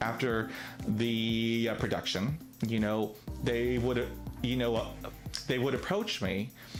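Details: Adult man with real stuttering, present every day; he reports being told he does not stutter after drinking alcohol and did not stutter when acting a character in high school: stuttering.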